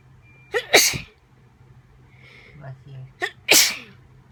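Two forceful sneezes, each with a short in-breath before a loud hissing burst, separated by quiet background murmurs.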